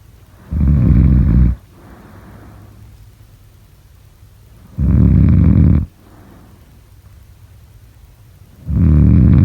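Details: Snoring during sleep: three loud, low, rattling snores on breathing in, each followed by a soft breath out, about 14 breaths a minute.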